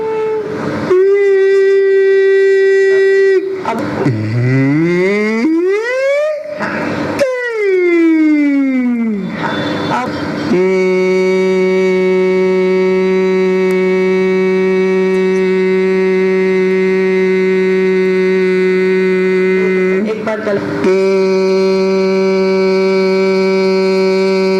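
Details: Male singer after CO2 laser acu-blade excision of a hemorrhagic polyp on the left vocal fold striking zone, with varices and feeding vessels ablated and a small irregularity deliberately left; finding: sustained phonation after vocal fold polyp excision.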